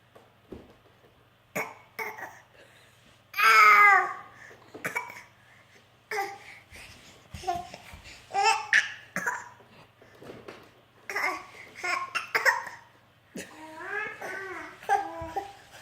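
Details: Playful voluntary fake cough from a young child: short deliberate coughs mixed with babbling and laughter.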